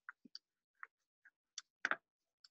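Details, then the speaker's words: Stethoscope bell just below the xiphoid over the stomach while air is injected through a feeding tube: scattered soft pops and gurgles (borborygmi) confirming correct tube placement. "So, okay, we can hear the borborygmi sound. So, yun yung sound na makikita, na maririnig natin once na nag-assess tayo ng feeding."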